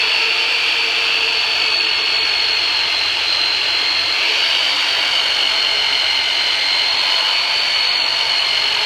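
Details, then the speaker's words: Loud, steady high-pitched motor whine with rapid buzzing drone from a percussive massage device used for deep tissue work on an adult with persistent pain after L5 herniated disc surgery, during chiropractic treatment. "okay so I'm gonna pull out the heavy machinery on you we're going to use the turbinator on you for the very first time so just it's going to be some deep tissue work so just breathe and relax"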